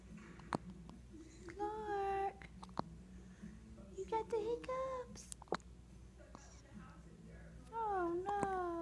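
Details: Young child babbling and cooing, interrupted by brief, sharp catches in the breath: hiccups.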